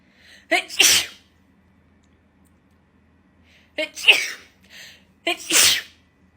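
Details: Three forceful sneezes, each preceded by a sharp indrawn breath, brought on by a nasal swab for a Covid-19 PCR test.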